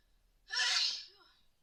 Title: Attack sneezes cold